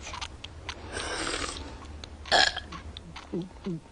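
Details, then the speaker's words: Cartoon soundtrack belching during a burp contest: a long, drawn-out burp followed by short voiced sounds, played for comedy. "we're having a burp contest mom well knock it off I do not allow burping in this house"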